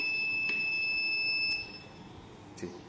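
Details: Demo of a portable oxygen concentrator (1–5 L/min flow, battery-powered) sounding a steady high-pitched electronic alarm tone for about 1.5 seconds, then stopping; alarm appears to be for an idle machine.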